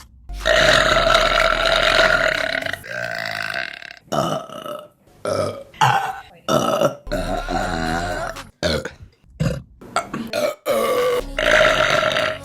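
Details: Female burping compilation: a run of long and short loud belches, some drawn out and voiced, with faint music behind; repeated burping.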